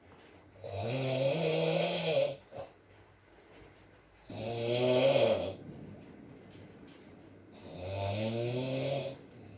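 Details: Sleeping adult man: three long, loud, rattling snores on the in-breath, roughly 18 a minute, with quiet gaps between and faint rain in the background in an ASMR recording; snoring.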